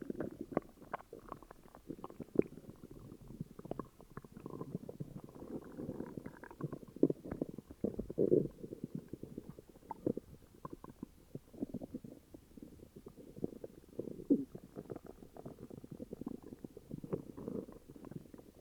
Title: Upset stomach growls🤕